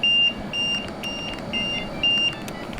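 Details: Repeating high-pitched electronic alarm beeps, about two a second in bursts, from an LTV portable ventilator being set up for an adult patient, signalling no oxygen supply connected.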